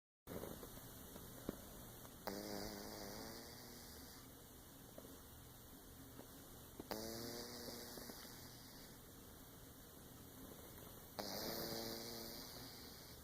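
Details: Sleeping cat snoring: soft, wheezy snores recur about every four to five seconds over a faint hum and hiss; snoring.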